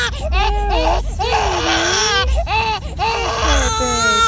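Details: Loud, wavering crying in repeated bursts with brief catches of breath; an ordinary infant cry.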